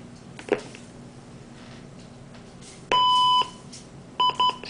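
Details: LP12 cardiac monitor/defibrillator powering up: a click, then one long tone and two short beeps, in a quiet room.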